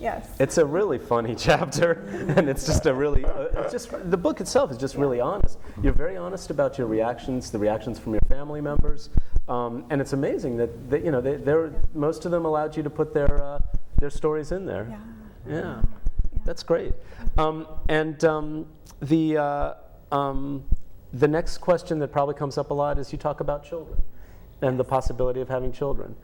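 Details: Adult speaker, interview; normal speech.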